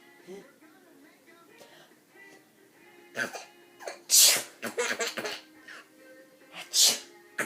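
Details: Sneezing: several loud, sharp sneezes while another person laughs, with music in the background; ordinary sneezing.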